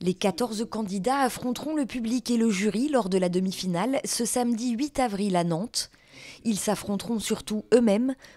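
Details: Adult woman narrator; Normal fluent speech.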